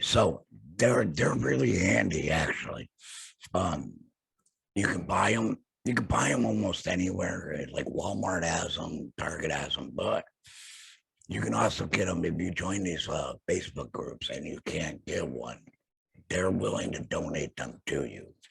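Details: Adult male after total laryngectomy for throat cancer, no vocal cords, with a stoma and HME, speaking via tracheoesophageal puncture (TEP); tracheoesophageal speech after laryngectomy.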